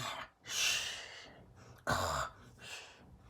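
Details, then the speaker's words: Simulated cartoon snoring in a children's drawing show: long, breathy inhaled snorts alternating with outward puffs, about 45 a minute; acted, not a real sleeper. "what's that sound oh yeah it is the sound of snoring oh you see a clue where oh there is a clue right you're on this snoring okay"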